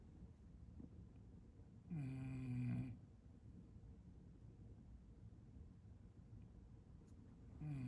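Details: Low rumbling noise, then a loud droning snore on an in-breath with another starting at the end, from a bulldog napping with its tongue out; snoring.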